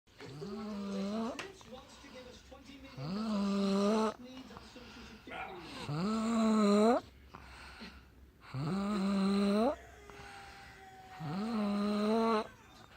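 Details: Loud, voiced, groaning snores that rise in pitch, about 22 a minute, with quieter breathing between them; snoring.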